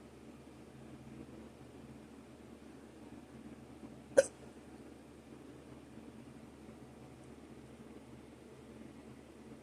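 One sudden sharp gulping click against quiet room noise. A hiccup.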